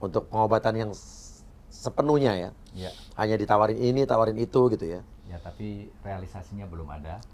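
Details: Adult male speaker; normal speech.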